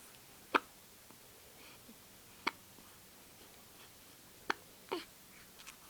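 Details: Ten-day-old female newborn with hiccups after a milk feed: four short, sharp hiccup sounds spaced about two seconds apart in a quiet room; normal newborn hiccups.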